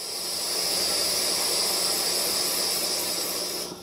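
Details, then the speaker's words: Wall suction regulator in an acute care setting, plugged into the wall and set to continuous during testing, port not occluded: steady loud hiss of vacuum being pulled, stopping when turned off. "so it's in the wall I can put it on continuous and you can see it pulling vacuum but that's not the actual"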